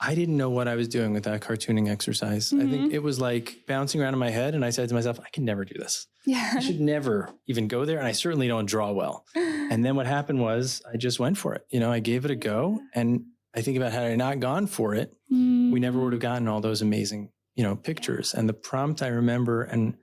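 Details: Adult male speaker; typical speech.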